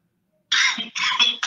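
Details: Two short, hard coughs with a harsh, slightly metallic edge and no rattle, from a person who tested positive for COVID-19; dry cough.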